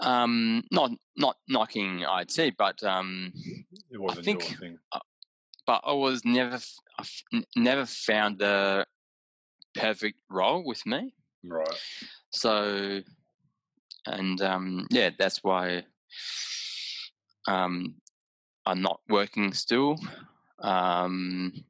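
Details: Adult man with aphasia after a haemorrhagic stroke caused by an AVM at age 34, recorded about six years later; right-sided deficits, vision issues, word-finding difficulty, mixing up similar objects; aphasia.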